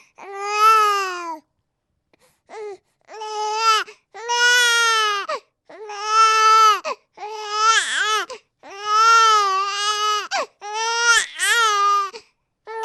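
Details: Infant crying from a baby sound-sample recording: repeated loud, high-pitched cry bursts separated by short pauses and breaths.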